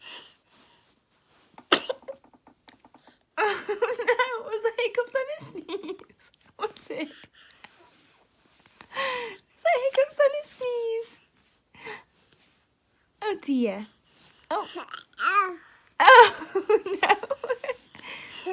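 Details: 3-month-old baby with hiccups who can't get a sneeze out: repeated high-pitched vocal bursts and catchy breaths with adult voices nearby, a build-up to a sneeze.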